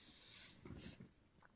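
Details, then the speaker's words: Zena, a sleeping dog, snoring "like an old man": a brief low, rough snorting rumble, a single snore against faint room hiss. "Это у меня там Зена храпит, не обращайте внимание, она храпит, как старый дед."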